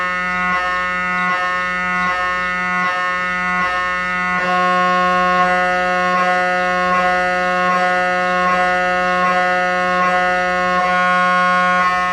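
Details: Loud, steady buzzing tones pulsing about 86 times a minute, the normal working noise of an MRI scanner's gradient coils during imaging.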